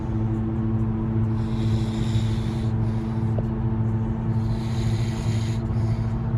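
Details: Snoring in an adult man asleep in a moving car, tongue out.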